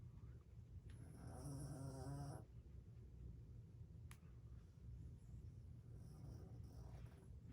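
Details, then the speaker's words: Sleeping dog snoring: a single low, rattling snore, then a fainter second breath over quiet room noise. "I really hope you can hear her snore it is everything down there"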